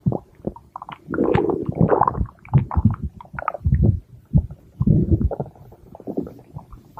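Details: Stomach growling (borborygmi): low, bubbling rumbles and gurgles in irregular bursts, the sound of gas and fluid moving through the gut.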